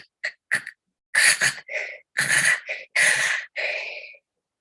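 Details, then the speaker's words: Rough snoring breaths with strained, partly blocked airflow, imitated by a sleep-study presenter to show obstruction despite continued breathing effort; hypopnea with snoring (imitated). "the patient's continuing to try to breathe but they are obstructing and i'm just going to use the mouse and demonstrate myself what this sounds like and kind of looks like okay so"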